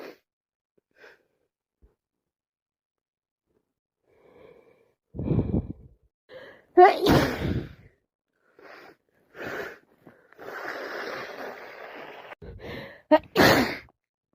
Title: Non stop sneezing and blowing my nose surley not another cold on way